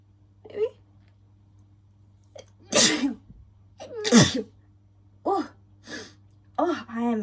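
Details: Adult woman's repeated allergic sneezes after sniffing strong-smelling bubble bath, sharp bursts with quick intakes and voiced tails, quiet room; she notes hay fever season.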